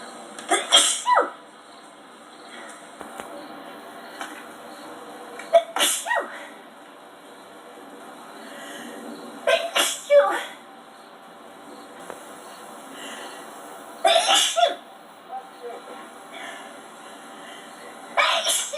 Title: Sneeze Compilation #14